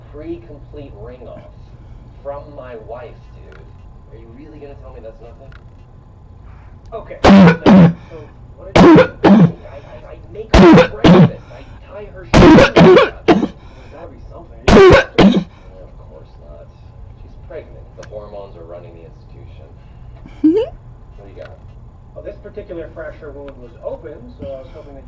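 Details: Barking cough recorded close up in 2014: about eleven loud, harsh, barking coughs in quick pairs and triplets over eight seconds, with muffled talk behind.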